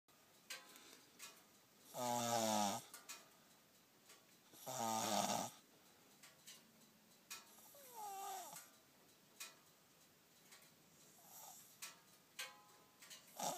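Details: Male snoring during sleep: two long rattling snores a few seconds apart, with quieter snuffling breaths between them in a quiet room.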